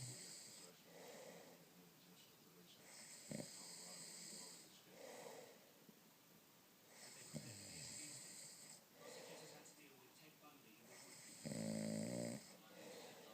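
Repeated rough, rattling breathing sounds in sleep, about every two seconds, with a louder snort near the end: snoring.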